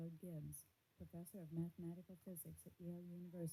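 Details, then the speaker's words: Simulated bilateral moderate/severe sensorineural hearing loss due to otosclerosis: a female-voice speech passage played through the simulator. Audibility, volume and quality clearly deteriorate, though some clarity remains. "okay so that was interesting definitely deterioration in the audibility the volume the quality"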